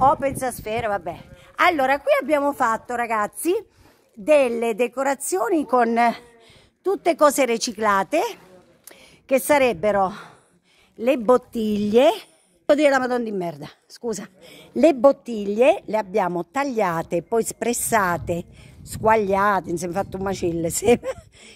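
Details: Adult female with Tourette syndrome: vocal tics with coprolalia, sudden involuntary swearing outbursts interrupting her speech.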